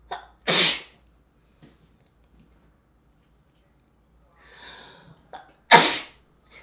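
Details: A person sneezes: sneeze.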